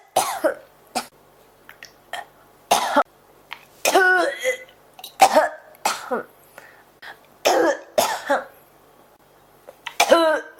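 About ten harsh coughs and throat clears in close succession over ten seconds, a persistent cough.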